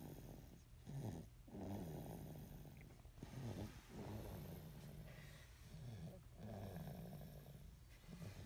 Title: Snoring 10.22.17